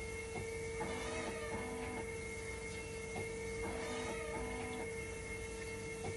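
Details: Hemodialysis machine test-run in dialysis mode during repair of a recurring 5-volt level detector failure: a steady hum with a high tone and rhythmic clicking and pumping while conductivity and temperature stabilize.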